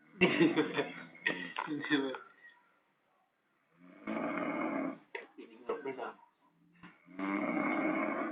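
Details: Heavy human snoring in a small boarding-house room: several loud, rough, rattling breaths with brief pauses between them.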